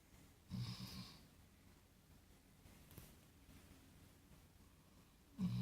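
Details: Snoring: two short rumbling snores with quiet breathing between them, ordinary snoring.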